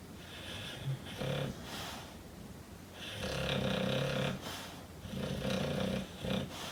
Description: Hank my Mastiff snoring and dreaming on chair. #duanesworld #subscribe #boozinblogger #shorts #mastiff #hank